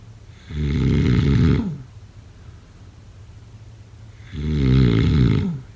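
Two deep, rumbling snores on the in-breath with a quiet pause between; loud adult snoring during sleep.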